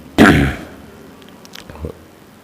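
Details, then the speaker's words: Adult man with a hoarse voice after coughing for several days: a single loud throat-clearing cough, followed by faint room noise. "Mohon maaf ini suara saya agak serak-serak basah sudah beberapa hari batuk"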